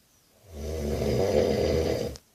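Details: Adult best friend sleeping, one long, loud, deep rattling snore on an in-breath; snoring.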